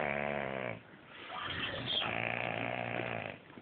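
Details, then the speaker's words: Heavy snoring from a man sleeping in the next bed in a hotel room: loud, rough, rattling in-breath snores, each a couple of seconds long with brief pauses, later sounding like flatulence. "no one quite knows what motivates him to make that noise could be a mating call could be anything all we know it scares a living out of us this is quiet this is actually quiet the most disgusting final snor I've ever had"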